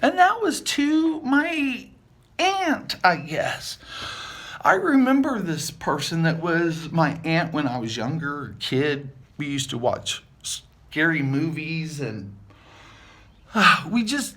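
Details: Adult male with aphasia after multiple strokes, about seven years post-stroke, with word-finding difficulty and jumbled or unintended words; aphasia.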